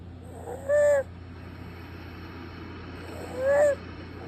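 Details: Suspected respiratory stridor during sleep at night, less prominent with the bed elevated; two high-pitched, musical whistling breath sounds about three seconds apart: stridor.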